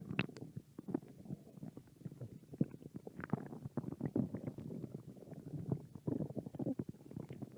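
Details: Stomach growling (borborygmi) from hunger in a hungry American woman: low rumbling, gurgling gut noises with irregular bubbling bursts.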